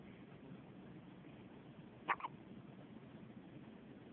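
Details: Two brief, soft hiccup-like catches from a cat over a quiet hiss: cat hiccups.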